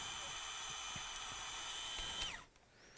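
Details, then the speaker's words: Opening wedge high tibial osteotomy, left knee: high steady motor whine winding down and stopping as a surgical power drill drives a guide pin into the tibia, locking slope and rotation. "and now we're going to pin that in place and that locks down the slope and the rotation"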